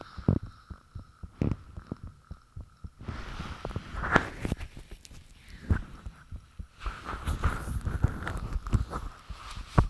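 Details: Self-recorded own heartbeat, fan off, shortly after the heart began feeling really thumpy: repeated dull thumps amid rustling and hum, with heart sounds faintly audible.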